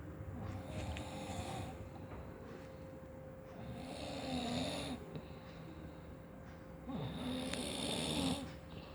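Rough, rattling snores on each breath in, two to three long cycles over nine seconds, over steady room hum; loud habitual snoring.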